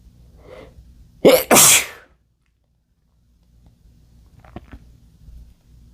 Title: male sneezing